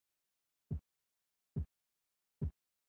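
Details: Korotkoff sounds heard during blood pressure measurement at the brachial artery.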